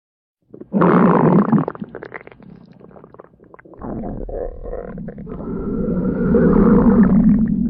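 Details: Loud, long, low gurgling and rumbling from the belly, rising and falling over several seconds, at a sleepover; ordinary stomach growling (borborygmi).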